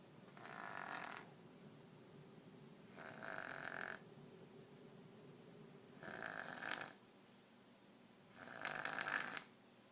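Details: Four soft, regular snores, one every few seconds, about 24 breaths a minute, with quiet room noise between them; snoring.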